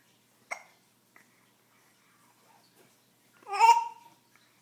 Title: Baby Burping